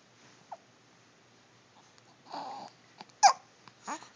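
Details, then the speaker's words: Young child with hiccups, open mouth making them louder: a few brief squeaky, toy-like catches of breath amid soft babbling in a quiet room. "You're squeaking. You sound like a toy. Yeah, you sound like a toy."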